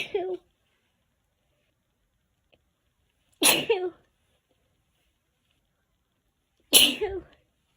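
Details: Three sharp, explosive sneezes a few seconds apart in a quiet room, tagged as hay fever; sneezing.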